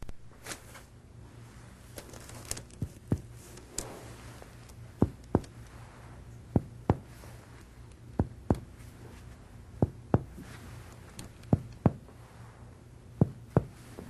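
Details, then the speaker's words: Normal resonant percussion note over the anterior chest of a healthy patient during a respiratory examination: paired, hollow-sounding finger taps compared side against side in a quiet room. "If you want to check the level of the right diaphragm anteriorly, percuss from resonant lung downward to liver dullness to oscultate the anterior chest."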